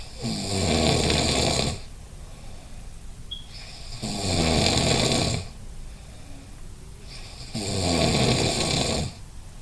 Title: Snoring Season